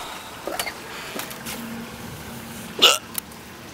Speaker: what's up y'all I have the hiccups a little bit not hiccup IC I hiccuped I got the hicup